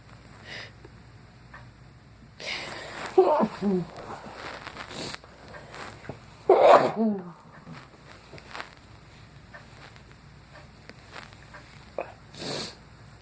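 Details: Sneezing while eating dinner: two sudden sharp sneezes, each preceded by a quick intake of breath, amid quiet room noise; sneezing.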